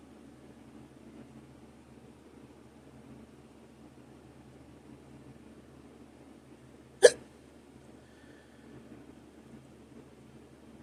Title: Hiccups (audio only)